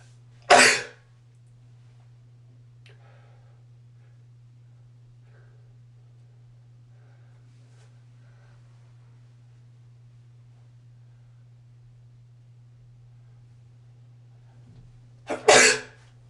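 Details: Two induced allergy sneezes separated by a long quiet pause, with a short breath catch before the second and a steady low hum behind; sneezing.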